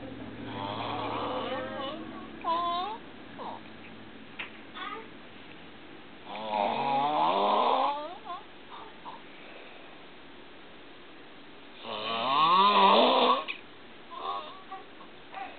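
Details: Flip falls asleep before reaching the bed on arriving home after three days in hospital, giving squeaky, whistling snores that rise in pitch, about three long ones in 15 seconds, with small snuffles between them: snoring.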